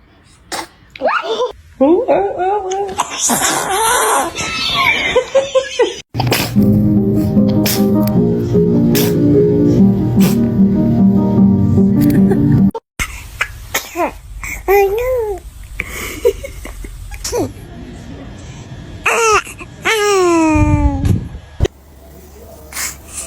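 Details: Sudden, forceful sneeze interrupting voices and laughter during a photoshoot, with background music.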